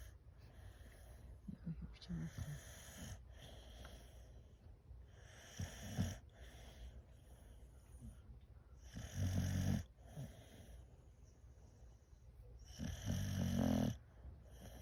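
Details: Boxer dog asleep and very tired after a walk: loud, irregular rattling snores over several breaths; snoring.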